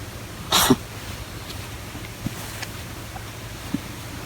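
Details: A cat, Kon-san, who always coughs after purring too much, gives one short, sharp, airy burst, then a few faint clicks in a quiet room: a single brief cough.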